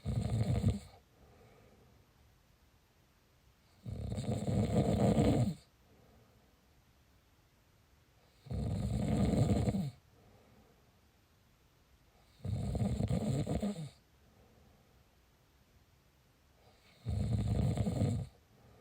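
Loud, rough, low-pitched snores on each breath in, about one every four seconds, with quiet pauses between: snoring.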